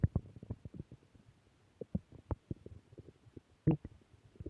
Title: Return of stomach growl 2